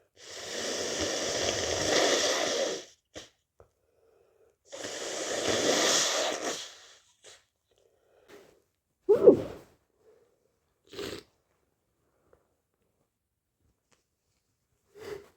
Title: stuffy/congested cold sneezes